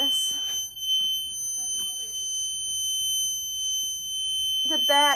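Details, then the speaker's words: Continuous high-pitched electronic alarm from a hospital bed in the emergency room with brief voices asking how to switch it off; patient in severe lower back pain, bed won't go down. "it won't go down oh it's the alarm how do you switch it off"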